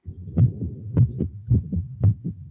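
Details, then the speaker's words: Simulated child patient in a healthcare student training scenario: regular low lub-dub heartbeats at about 110 a minute, played so students can count the beats for an accurate heart rate. "So again, the student can actually listen to that and count the beats, and they will get an accurate heart rate."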